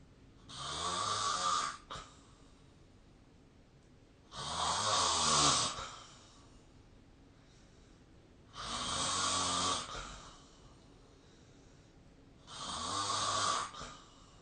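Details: Recorded during sleep with a snoring-tracking app: loud, harsh rattling snores on each breath in, about 15 a minute, with quiet pauses between; snoring.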